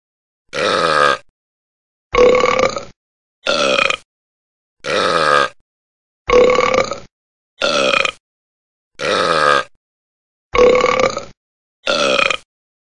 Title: Burping Burp - Sound Effect [HD]